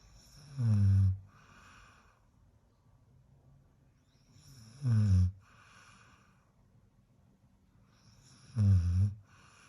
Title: European Doberman Puppy Snores Like A Big Man 🤣 Funny Video. #shorts